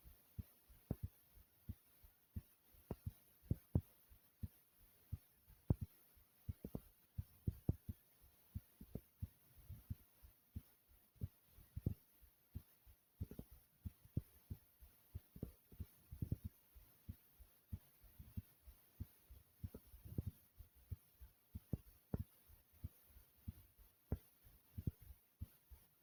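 Strong, deep heartbeat thumps repeat steadily throughout, with a faint hum in the background.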